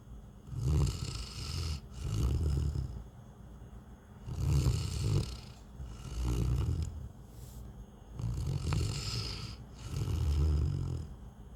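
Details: Deep, rumbling snores on each breath, about 16 breaths a minute, from a sleeping Newfoundland dog; snoring.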